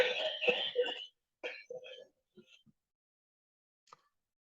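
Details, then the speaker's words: Wet, productive cough: a harsh, rattling cough burst followed by shorter coughs, presented after examples of a dry cough and a child's hoarse cough. "ahora vamos a proseguir con una todo ronca de un niño y por último vamos a tener una tos húmeda"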